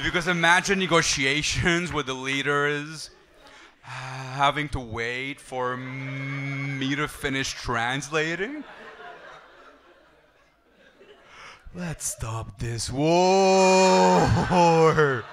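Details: Adult male comedian who stutters, with blocks and pauses, using a breathing technique to control it; stuttering.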